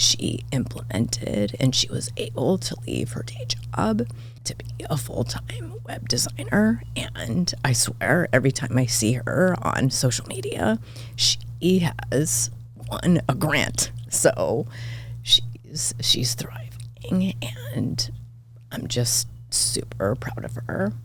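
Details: Adult woman diagnosed this year with spasmodic dysphonia; vocal cord spasms make her voice cut in and out, sometimes hoarse; she attributes it partly to voice overuse as a podcast host and to stress; real, seemingly occurring during interview; spasmodic dysphonia.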